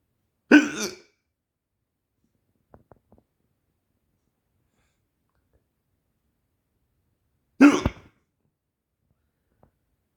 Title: why i have the hiccups so bad ? xD